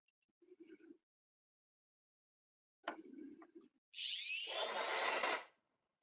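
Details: A few faint taps, then about one and a half seconds of high-pitched whirring from a dental grinder adjusting an immediate complete upper denture during a hands-on demonstration workshop.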